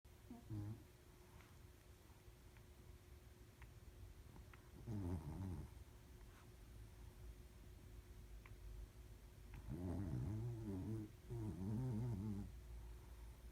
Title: Snoring shitttttzu